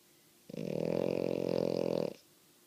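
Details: Female French Bulldog snoring loudly, though the owner says she is not even asleep: one long, loud, fluttering snore on a single breath, then quiet, i.e. snoring.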